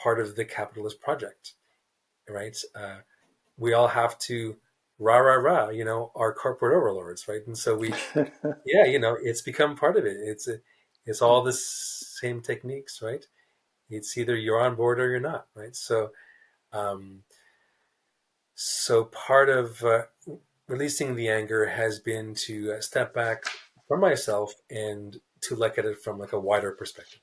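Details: Stuttering in an adult man, a writer who describes himself as a person who stutters, speaking in a real, unscripted podcast interview.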